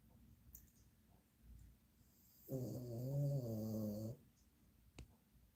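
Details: A single drawn-out, low, buzzing snore from a sleeping female pet in a quiet room.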